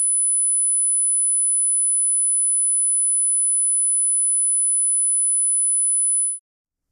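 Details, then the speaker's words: A steady, very high-pitched pure 10,000 Hz hearing test tone lasting about six seconds, then silence, played over headphones to the right ear to test high-frequency hearing. "okay now 10,000 Hertz you"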